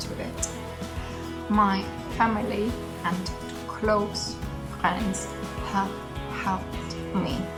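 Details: Woman with aphasia after brain damage, discovered on waking in hospital, understood about a year later; still improving over time; aphasia.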